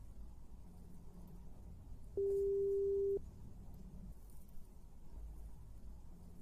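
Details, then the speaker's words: Simulated hearing-test beep in an ASMR role-play: one steady pure tone lasting about a second over faint room noise, played in one ear during a single-ear beep test. "u which ear you are going to tell me but there will also be one or two beeps that are in the opposite year I want you to tell me when you hear those"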